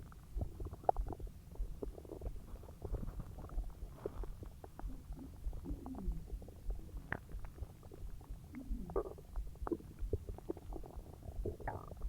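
Continuous low gurgling and rumbling with bubbly clicks throughout; active bowel sounds during digestion, a normal finding.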